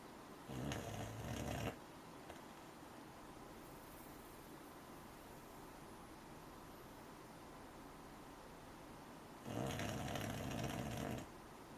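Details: Two long, rough snoring breaths in, about ten seconds apart, over steady room hiss; ordinary snoring in a sleeping American Cocker Spaniel puppy.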